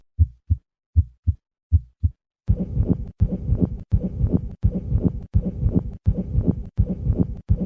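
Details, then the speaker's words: Two-component pericardial friction rub, high-pitched and scratchy with systolic and diastolic components, heard after three normal beats; it reflects motion of the heart against the inflamed pericardial sac. "these sounds usually have two components and reflect motion of the heart relative to the paracardial sac listen once again to a two- component paracardial friction rub"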